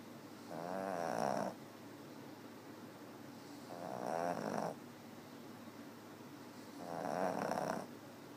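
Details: Snoring recorded on 8/18/2013.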